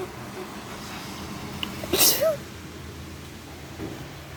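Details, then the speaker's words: Person allergic to flowers sniffing flowers on purpose to trigger a sneeze: a single sharp, hissing sneeze with a short vocal catch; an allergic sneeze. "i don't know why she put them there when she knew i was allergic to flowers but you know i'm gonna take a sniff and i'm gonna sneeze for you guys"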